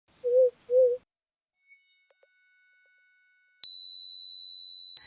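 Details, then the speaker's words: Two brief chirps, then a steady high-pitched ringing tone shifting to a lower steady whistle; simulated sound of the constant ringing heard daily by patients with intractable tinnitus. "여러분 들으셨나요 이 소리가 바로 난치성 2명 원자들이 매일같이 시달리는 소리입니다"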